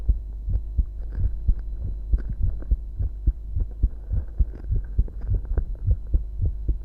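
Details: Adult male's strong, deep heart thumps repeating at a fairly quick pace over a steady low hum: normal heartbeat.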